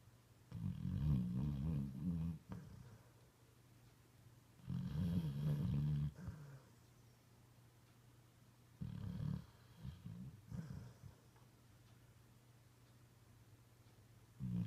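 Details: A sleeping puppy's deep, rattling, human-like snores, one with each breath at about 16 a minute, in a quiet room.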